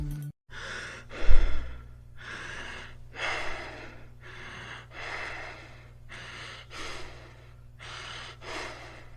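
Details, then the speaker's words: Teaching example of Kussmaul respiration: deep, noisy, regular breaths at about 30 a minute with brief pauses, four phases of noisy inspiration, apnea, noisy expiration, apnea. "e na respiração de kussmaul podemos perceber quatro fases A primeira é caracterizada por inspirações foi idosas a segunda por apneia em expiração a terceira por expiração ruidosa e finalmente a quarta apneia em expiração"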